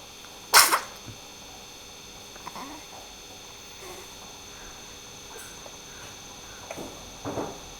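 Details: Two-month-old sneezing: one sharp, loud sneeze followed by a few faint snorts and small sneezes against steady room hum.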